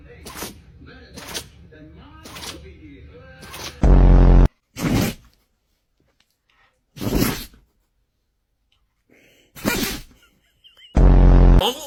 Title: Dogs sneezing🤣#dogtok #funnypets #viraldog #dogmoments #doglovers